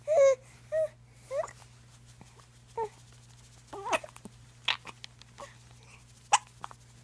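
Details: Baby girl hiccupping, as she does every night after dinner: brief squeaky catches in her breathing about every second over a quiet room hum; infant hiccups.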